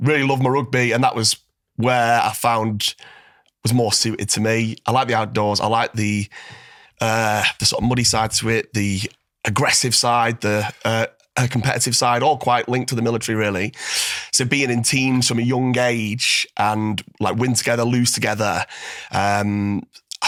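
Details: Adult male former Royal Marine with a stutter/stammer since a school assembly reading at about age 9-10, improved in recent years through voice-noting practice; stuttering.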